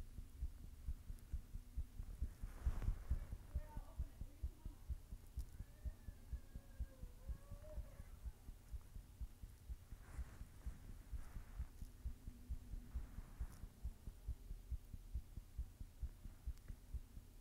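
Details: Person recording their own heartbeat while blushing: soft, steady, low thumping at around 130 a minute, somewhat fast, under faint hum and muffled background sounds; a heartbeat.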